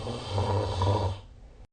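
A single loud, low, rattling snore on one breath that trails off; adult snoring during sleep.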